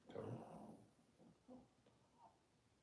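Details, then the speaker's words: A loud rough low snort, then several softer grunting breaths from a sleeping dog in a quiet room, the loudest snoring the owner has heard from it; dog snoring. "I don't know if you can hear my dog snoring below me."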